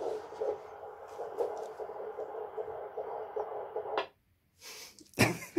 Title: Hearing our baby's heartbeat for the first time! ♡